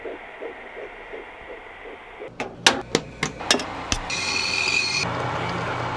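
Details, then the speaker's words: Fast, soft, regular fetal heartbeat heard from a pregnant mother's belly with a device, then loud knocking and handling noise from the device. "So can you hear the baby? That's its heartbeat. Boom, boom."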